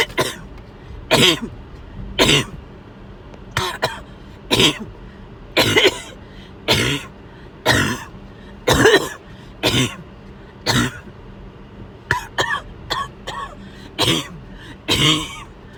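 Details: Person with fever coughing after overheating, also feeling sick to the stomach: repeated loud harsh coughs, about fifteen in sixteen seconds, some in quick clusters, over light background hum.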